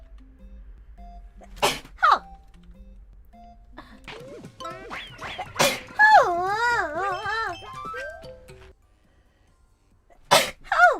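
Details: Sneeze compilation from a streamer's broadcasts: sharp sneeze bursts with squeaky vocal sounds between them, over background music and chimes; repeated sneezing.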